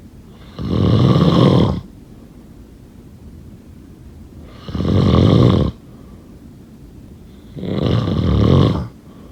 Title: Snoring sound…